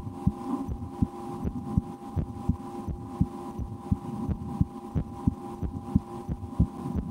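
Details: Own heartbeat heard through a stethoscope in an ASMR recording, with breath-holding and efforts to speed the heart, after a lunch with loud digestion: regular low thumps about 85 a minute with steady hum; normal heart sounds.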